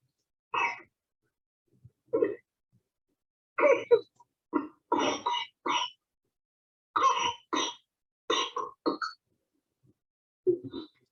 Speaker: can hear that very wet cough that's very classic for rsv